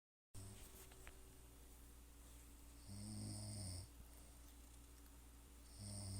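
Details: A person snoring, recorded February 2015: a low rattling snore over a steady room hum, one longer snoring breath, then another starting at the end.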